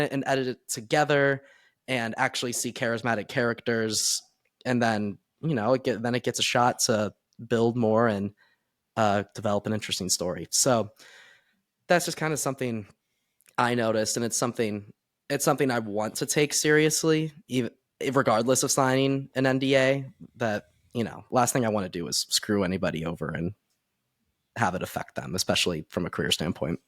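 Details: Adult man speaking; Normal voice.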